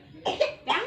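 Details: Cough: two short, harsh coughs in quick succession from an infant brought for baby massage for a lingering cough that is slow to heal.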